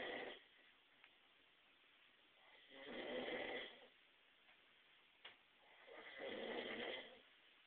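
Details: Person snoring loudly enough to wake someone sleeping in the next room: slow, regular, rasping snores about every three seconds, roughly 18 a minute, with quiet pauses; snoring.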